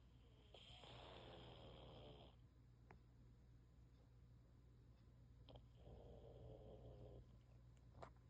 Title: My cat snoring like he’s been working overtime to pay the rent #littlenap #napping #cat #snoring